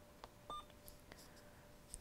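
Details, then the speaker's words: Short keypad beeps and clicks as an infusion pump's secondary is programmed for vancomycin 500 mg in 100 mL over 60 minutes at 100 mL/h, primary normal saline at 75 mL/h; nursing lab demonstration. "I can select my secondary button right here. I can then find my medication, my vancomycin. It was 500 milligrams in 100 mLs. Click next. The duration is gonna be 60 minutes."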